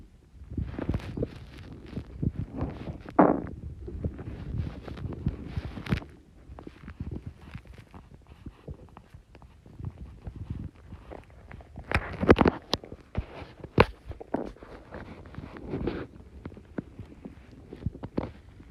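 Low gurgling and bubbling rumbles coming in irregular bursts: loud stomach growling from gas moving through the gut.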